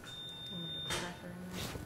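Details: Brief steady high tone of an intraoperative X-ray unit over faint operating-room noise, taking lateral views during percutaneous screw fixation of a non-healed Jones (fifth metatarsal) fracture in a 45-year-old woman; fluoroscopy exposure beep.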